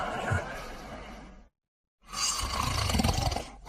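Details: Two rough, rumbling breath noises separated by a brief silent gap, the second louder and deeper: snoring in a sleeping dog.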